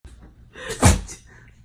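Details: Labrador dog sneezing: a single sharp, explosive burst through the nose after a brief intake.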